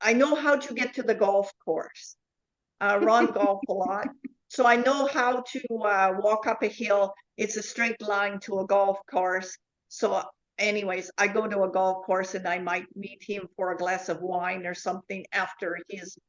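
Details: Adult woman with foreign accent syndrome since 2010; foreign accent syndrome.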